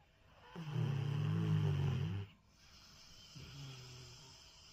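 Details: One long, low, rumbling snore followed by a softer second breath, from a sleeper described as feeling secure and safe; ordinary snoring.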